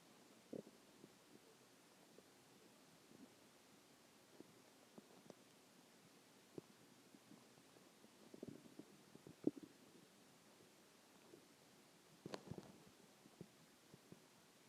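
Quiet, scattered low gurgles and brief rumbles against faint background hiss; ordinary stomach growling.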